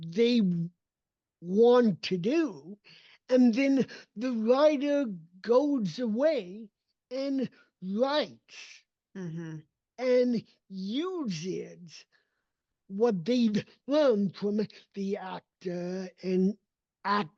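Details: Adult male with cerebral palsy whose speech did not develop until age seven, after extensive speech therapy, and still needs ongoing training; real speech; dysarthria (cerebral palsy).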